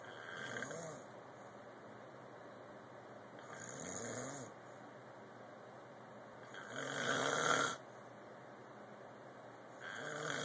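Regular rasping snores about every three seconds, roughly 18 a minute, with a hissy edge over steady room noise.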